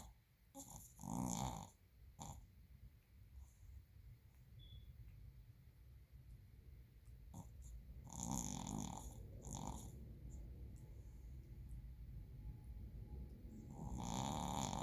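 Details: Snoring from a sleeping Shih Tzu, a small flat-faced dog: repeated snorting, rattling snores in uneven bursts with quieter breathing between; ordinary snoring.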